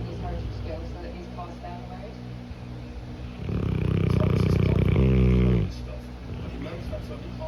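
One loud, low, rattling snore against steady background noise during a dog's nap.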